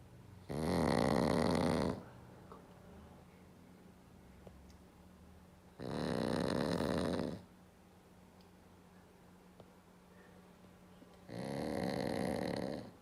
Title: 今年も寝正月でいびきが大きい黒パグ!!A black pug that is snoring loudly for New Year's Eve again this year!